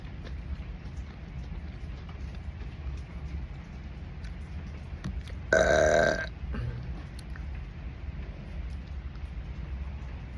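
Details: Person eating grapes: one short, low, voiced belch under a second over steady background hum; burping.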